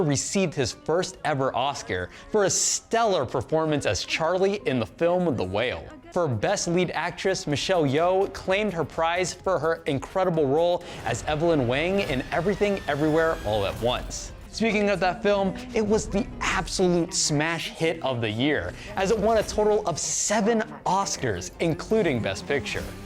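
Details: Adult presenter; normal voice.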